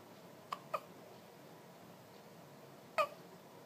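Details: One-day-old baby girl with hiccups: three brief, sharp hiccup sounds in a quiet room, two close together and one a few seconds later.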